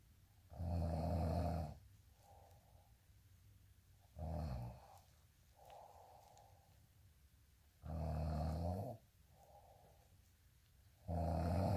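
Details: Steady snoring during sleep: deep, rumbling inspiratory snores, each followed by a softer breath out, about five breaths a minute.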